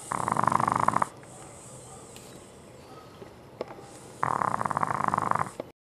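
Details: French bulldog snoring during sleep: two rattling, fluttery snores about three seconds apart with a quiet gap between.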